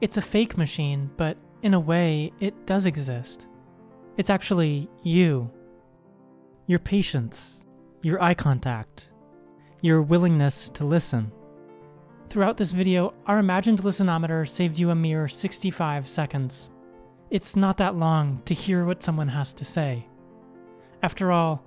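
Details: Adult narrator; fluent narrator speech.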